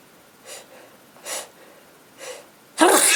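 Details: Girlfriend with a cold: three soft breathy gasps build up to one loud, sharp sneeze at the end; sneezing.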